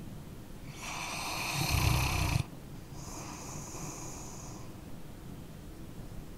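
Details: Sleeping dog snoring: a harsh, rattling snore on the in-breath, then a softer hissing out-breath; ordinary snoring in sleep, recorded as an ambient sound.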